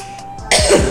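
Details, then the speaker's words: Single abrupt, rough cough from an adult with a still-hoarse voice who is still coughing, over faint background game music. "suara saya masih serak ya soalnya masih batuk saya"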